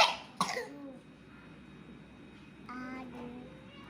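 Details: A 3-year-old boy with a cough, while learning to read, gives two short, sharp coughs, then brief soft voiced sounds.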